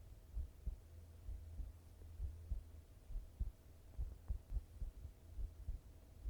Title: 心音ASMR/heart sound